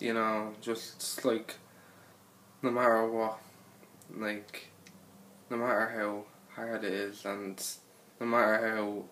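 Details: Stuttering (stammer) in a man talking about his own stutter; real, not acted.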